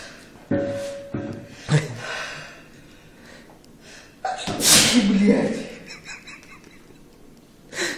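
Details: Sharp in-breath then a loud explosive sneeze from a man, amid voices and room noise; sneezing fit after clearing the nose with kalanchoe; sneezing.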